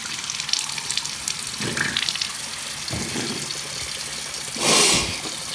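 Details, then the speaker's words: Running, splashing water with a brief louder gush near the end as saline poured into the other nostril drains out of the left one during self-performed sinus rinsing; nasal saline rinse drainage. "Okay, so we do the other nostril the same way, and it comes out of the left one."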